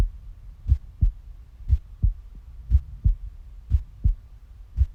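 Steady paired lub-dub thumps at about 60 beats a minute, a regular heartbeat.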